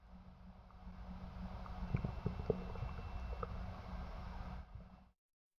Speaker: Hypoactive bowel sounds are diminished or absent and occur after abdominal surgery or with peritineal inflammation.